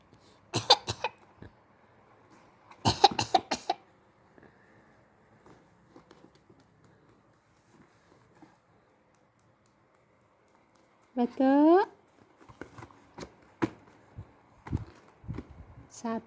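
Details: A 6-month-old baby playfully imitates an aunt's cough with short bursts of cough-like sounds and a brief voiced squeal.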